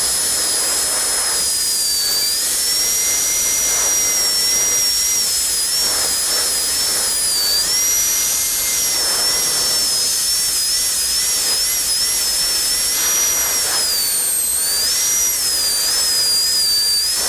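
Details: Dental high-speed handpiece refining the cervical shoulder with a light touch on a maxillary canine prepared for a porcelain-fused-to-metal crown, patient tipped back; steady high-pitched whine rising and dipping as it cuts.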